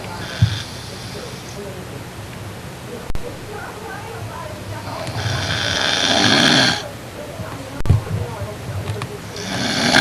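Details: Dad snoring during sleep: a harsh snore with a rattling, snorting quality over steady room noise.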